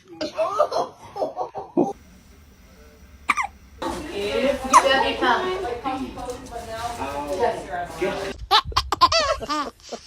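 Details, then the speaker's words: Baby with hiccups again: repeated hiccup sounds with laughter around them. "There it is. You got the hiccups again."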